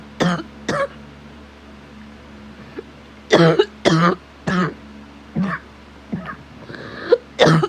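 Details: Sick adult smoker with asthma, chest occasionally burning, illness caught from a sick child: about nine short, harsh, dry-sounding cough bursts, some in quick pairs, with quiet pauses; owner unsure if a cold or something else.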